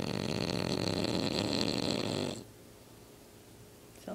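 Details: Overweight bulldog snoring while asleep, worn out after two weeks of hard play at boarding: one loud, harsh, rattling snore lasting about two seconds, then quiet.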